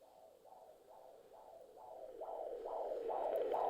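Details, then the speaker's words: Doppler recording of a son's fetal heartbeat in utero during a pregnancy shortly after a miscarriage: rhythmic whooshing pulses at about 135 per minute, with music rising behind; fetal heartbeat. "what you're hearing here is the sound of our son's heartbeat in utero"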